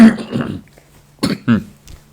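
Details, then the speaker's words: Adult monk who says he is prone to allergies and hoarseness in cold weather gives a short run of harsh, throaty coughs in a quiet room. "ขออภัยเน้ออันนี้ก็เกิดจากสภาวะอาการเย็นเหมือนกันอาตมานี่ก็เป็นภูมิแพ้ง่ายนะแปรอากาศอาจจะมีเสียงแหบแหงเป็นเตื้อเป็นเตื้อก็ขอสุมาอภัยนะ"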